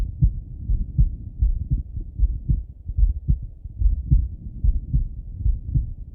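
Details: Male heart auscultated with a stethoscope, recorded either sitting at a desk or lying in bed: steady low lub-dub about 70 a minute, no extra sounds between beats; normal heart sounds.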